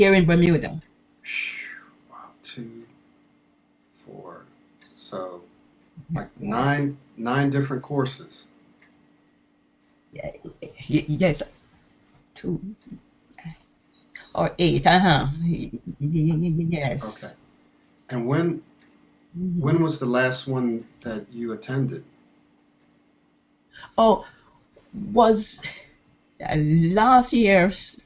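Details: 68-year-old woman from Bermuda who has stuttered all her life, more than 60 years, and tried nine courses; recorded before starting private intensive speech coaching. Stuttering.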